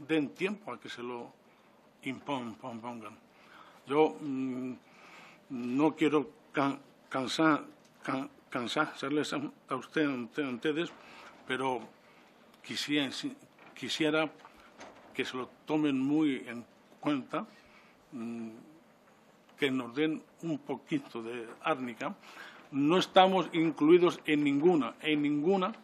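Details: 69-year-old man with self-reported stuttering, speaking publicly in person before a parliamentary disability commission; he says stuttering makes him take longer to say things than to think them; stuttering.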